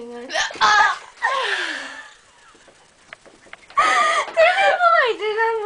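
Short voiced catches interrupt laughter and speech, fitting hiccups, involuntary spasms of the breathing muscle.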